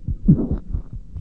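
Low, muffled heart thumps with one beat coming as two close taps, a split heart sound.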